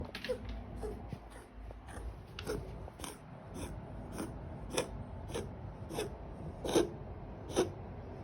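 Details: A cat gives a run of about a dozen short, dry hacking coughs in quick succession: cat cough.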